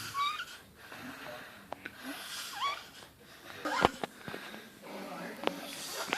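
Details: Squeaky, whistling, high-pitched snoring in a slow sleep rhythm, about one breath every few seconds, over room noise; adult woman (mom) sleeping after a long night of partying.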